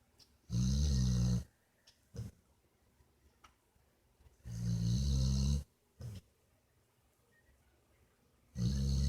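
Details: Loud, low, rattling snores, about 15 a minute and each roughly a second long, with quieter snuffles between them: ordinary snoring.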